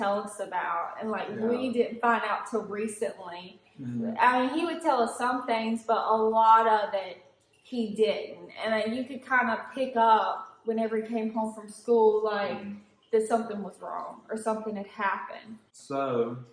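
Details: Adult woman speaking; typical speech.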